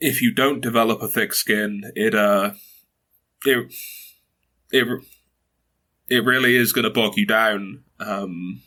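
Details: 22-year-old man who has stuttered since early childhood, mother also stutters, reports blocks and repetitions; stuttering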